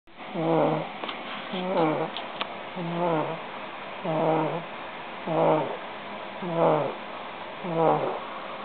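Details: Snoring from a sleeping 27-month-old boy: regular, slightly tonal rumbling snores about once a second, roughly seven in the stretch, over steady room noise.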